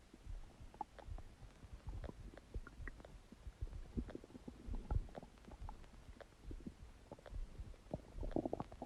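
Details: Huge stomach gurgling: continuous low gurgling and bubbling rumbles from the abdomen; borborygmi.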